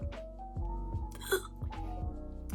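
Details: Brief, sudden hiccup-like vocal sound over background music: involuntary vocal tic in a young woman with Tourette syndrome and ADHD, whose tics worsened after restarting ADHD medication.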